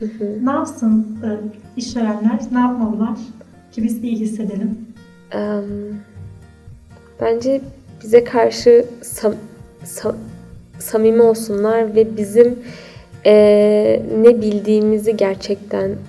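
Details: Stuttering in an adult woman.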